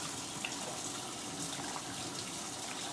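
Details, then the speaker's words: Steady sloshing and rustling as a bag filled with 750 to 1000 ml of warm water and soap is agitated to mix, in a student nurse's procedure demonstration. "i will close the spray and then i will agitate the bag"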